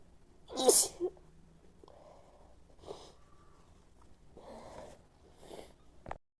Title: desperate sneeze and nose blowing